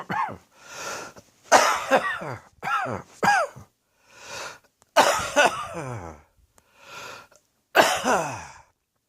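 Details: A person coughing during their first, heavy cold of the winter with a sore throat: harsh, voiced coughs in short bursts with audible breaths between them.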